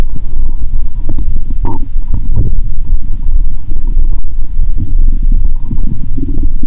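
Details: Borborygmi via stethoscope over the abdomen after drinking cola, belly described as bloated; loud, low, continuous gurgling and rumbling with brief squeaks, active bowel sounds.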